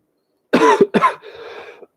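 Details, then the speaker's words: Two harsh coughs, then a rough breathy exhale, from an adult with a severe, persistent cough triggered by deep breaths, causing breathlessness and upset digestion; cough. "nothing like making yourself winded when you've got that that I'll kick in every time you take a deep breath"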